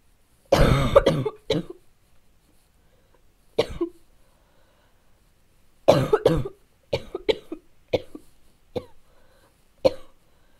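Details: Child's sudden coughing fit of harsh, repeated bursts, about a dozen coughs in ten seconds: barking cough.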